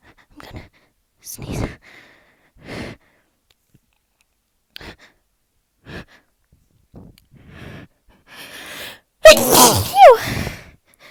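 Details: Person announcing each sneeze ("I'm gonna sneeze") and unable to stop: run of sharp sneeze bursts with quiet pauses, ending in two loud sneezes; repeated sneezing.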